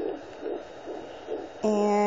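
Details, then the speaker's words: Fast, regular whooshing pulses from a home Doppler with gel on the pregnant mother's abdomen, about 140 a minute: a fetal heartbeat. "so you guys are wondering what that sound is um that's the baby's heartbeat so i have a doppler that you put on your"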